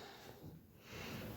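A brief snorting, wheezy, hacking breath noise from a dog with a cough, in a small room.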